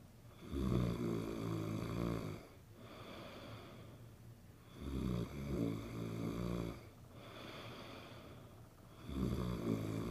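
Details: A person snoring: loud, deep rattling snores on each in-breath, about 14 breaths a minute, with quieter breathing between them.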